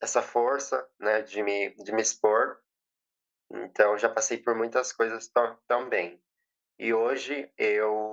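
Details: 20-year-old woman who has stuttered since age 7, with past speech therapy, stuttering worsened by emotion and nervousness, very nervous while giving a public talk; stuttering.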